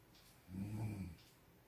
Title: 코고는 소리 - Sound of snoring